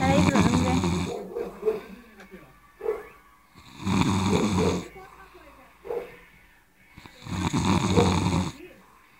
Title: roncando